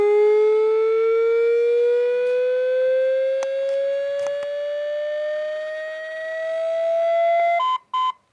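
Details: AED safety demonstration: after the prompt "shock advised", a loud steady tone rising slowly in pitch, then two short beeps, the defibrillator charging and ready to shock, followed by "stand clear, push to shock".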